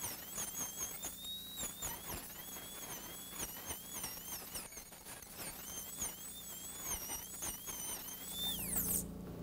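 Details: High-speed dental handpiece with a small 330 bur cutting alveolar bone over a maxillary canine during surgical extraction after nerve blocks and a broad-based flap. Continuous high-pitched whine dipping in pitch as it cuts, then spinning down.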